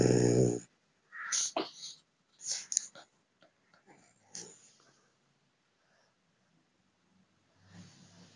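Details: 11-month-old male French Bulldog, very active and playful, snoring while asleep: short snorting, wheezy breaths in bursts with pauses between them; snoring.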